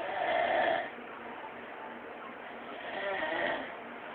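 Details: A sleeping man gives two harsh, rumbling snoring breaths with a short, quieter gap between; snoring.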